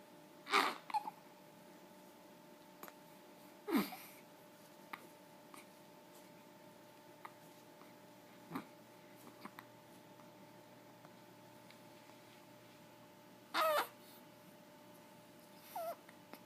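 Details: Hiccups in a dog: about five sharp, abrupt hic sounds, some with a short squeak, in a quiet room.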